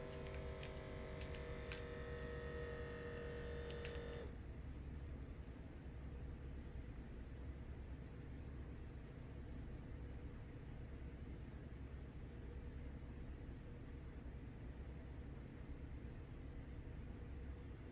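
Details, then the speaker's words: Automatic upper-arm digital blood pressure monitor during a routine self-measurement: a few brief beeps, then a steady low motor hum as the cuff inflates and measures; the reading was 117/67 with pulse 53. "Okay, so it is releasing the air even though it's done."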